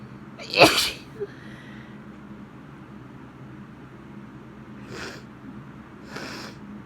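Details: Female with spring allergy sneezing, possibly from pollen and cold, rainy weather: one strong explosive sneeze, then two softer breathy bursts over steady room hum.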